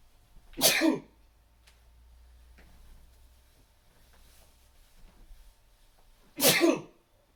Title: Chhinkni 23 - Trying to Stifle the Sneezes....